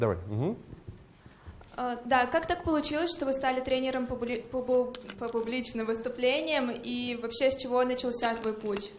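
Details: Adult speaker, Russian; ordinary speech.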